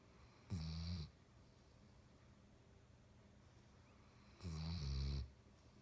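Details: Basset hound snoring while asleep: two low, buzzing snores about four seconds apart, with quiet breathing between them.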